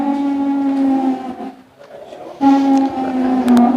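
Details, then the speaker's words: Wheezing: two long, steady musical whistling tones with breathing, from narrowed airways due to secretions. "ويزنغ صوت صفير مع التنفس بسبب وجود الافلام"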